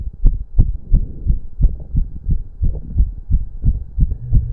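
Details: Male doing intense cardio workout, about 15 minutes; reported heart rate close to 200 bpm. Fast, regular, pounding heartbeat, roughly 170–180 a minute, with low hum and heavy breathing: exercise-induced tachycardia.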